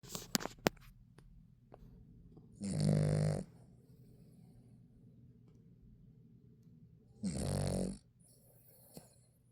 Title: snoring season 6 part 2